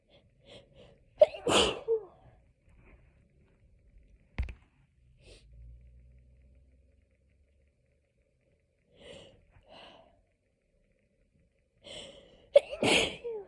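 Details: Hay fever sneezing fit, edited loop: repeated sneezes, each led by a sharp gasping in-breath, two strong ones with lighter breaths between.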